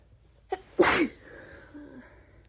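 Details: Single explosive wet sneeze after a short catch of breath, then a faint exhale, part of a sneezing fit that left snot everywhere; cause unknown.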